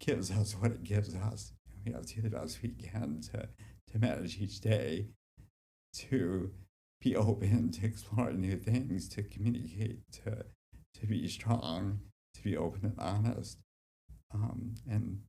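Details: Speech impairment from generalized childhood-onset DYT1 dystonia since about age 7 in an adult man, affecting walking, speech and hands; formerly treated with vocal-cord Botox injections, on deep brain stimulation since 2005, with residual symptoms.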